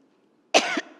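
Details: An adult woman shouting during a political party anniversary speech becomes hoarse and coughs: a single short, harsh cough with a throat-clearing quality.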